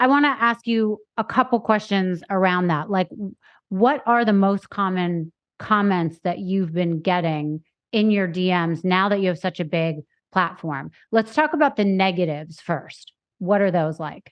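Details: Adult woman speaking; normal fluent speech.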